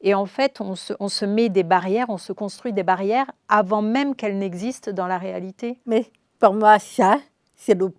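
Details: Adult woman speaking French; ordinary speech.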